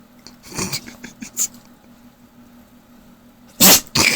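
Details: Quiet room with faint snuffling, then two sharp explosive sneezes from a pit bull dog near a sleeping person; dog sneeze.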